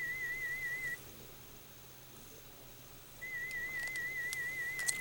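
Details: A steady wavering high whistle-like tone plays through headphones, stops for about two seconds, then returns: a 2000 Hz FM warble tone during audiometric threshold testing, where threshold was found at 30 dB HL.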